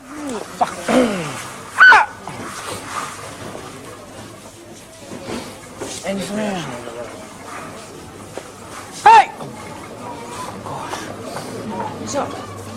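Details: 16-year-old boy with an extreme case of Tourette syndrome; involuntary barking and yelping; vocal tics (barking and yelping).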